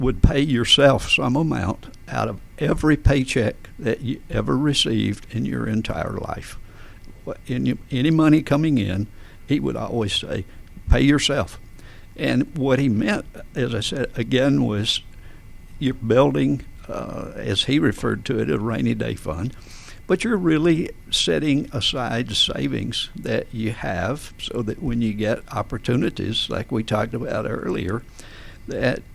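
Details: Adult man with adductor spasmodic dysphonia, a rare neurological voice condition with onset around 1999-2000: laryngeal muscle spasms slam his vocal folds together, so speaking takes more effort; treated with botulinum toxin injections below the Adam's apple; adductor spasmodic dysphonia.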